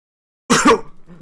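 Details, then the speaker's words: An adult gives a single loud, harsh burst of coughing in two quick pulses after silence; a plain cough, close to a throat clear. "yeah I didn't even you coughed so bad you covered that up"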